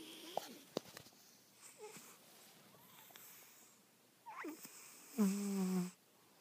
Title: my cat snoring